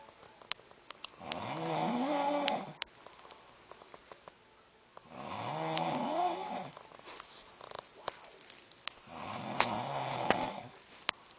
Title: Hubby snores while I watch Seth MacFarlane